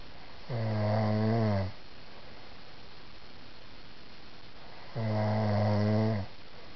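Two deep, buzzing snores on the in-breath about four seconds apart, with steady quiet between; plain snoring.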